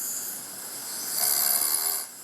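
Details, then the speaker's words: Harsh, rasping snore rising in loudness over one breath, self-recorded at home by an adult male construction worker of 17 years; family report breathing pauses; polysomnography showed moderate sleep apnoea, apnoea index 24/hour, snoring index 317. "먼지와 같은 다양한 유해 요인에 노출되면서 호흡기가 약해져 있었는데요. 본인의 코 고는 소리를 녹음해 두었다고 합니다."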